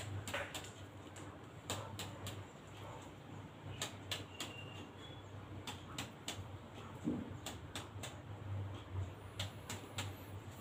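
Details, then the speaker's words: Resonant (sonor) percussion note: repeated finger taps on the back of an adult male's chest give a hollow, resonant note, indicating normal air-filled lungs, during a basic respiratory examination. "Hai kalau berdasarkan perkusi tadi bunyi yang dihasilkan yaitu bunyi Sonor yang menandakan bahwa performa bapaknya berisi dengan udaranya Pak yang menambahkan hal tersebut normal"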